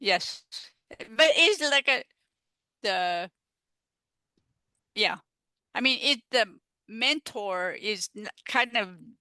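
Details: Adult female stroke survivor with aphasia caused by stroke, in recovery, who uses an app; aphasia.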